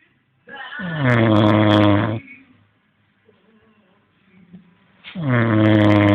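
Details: Snoring: loud, rattling snores on inspiration with quiet breathing between; ordinary snoring.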